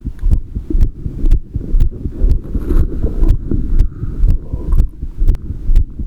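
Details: Adult heartbeat recording: regular low thumps at about 120 a minute, steady rhythm; normal heart sounds.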